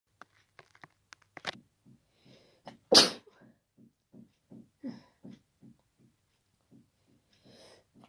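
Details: Person with a cold: a single loud, very wet, powerful, unstifled sneeze after sniffs and a breathy, tickly build-up, followed by rhythmic sniffling breaths.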